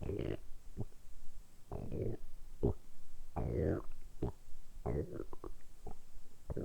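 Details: Deliberately produced stomach rumbling (borborygmi) in a quiet-room, close-up ASMR recording. Repeated gurgling, croaking rumbles in bursts, ordinary bowel gurgling.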